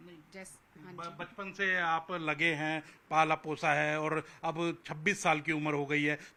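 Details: Adult speaker; typical speech.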